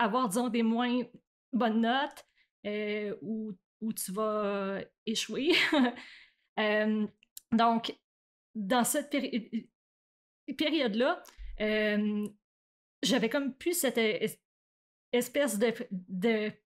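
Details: Adult woman who stutters, onset around age 7 or 8; stuttering.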